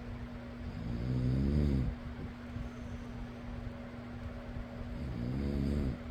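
Two rough, low snores on breathing in, about four seconds apart, over the steady hum of a fan.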